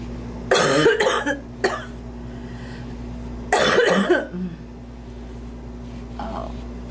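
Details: A mature adult woman gives two bouts of repeated, forceful coughing while doing her makeup, which she blames on allergy, over a steady background hum; recurrent cough.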